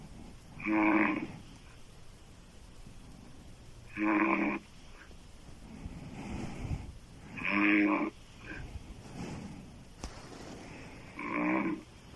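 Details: Loud, rattling open-mouth snoring from a female sleeper, described as sounding like a man, on four breaths in about twelve seconds with quieter breath noise between.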